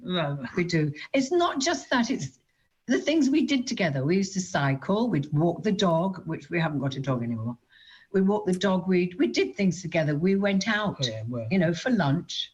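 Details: Adult woman; no speech disorder.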